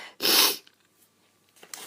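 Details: High-pitched sneeze from a person feeling run down and unwell, with hoarse voice; a single sharp sneeze followed by quiet and a short breath.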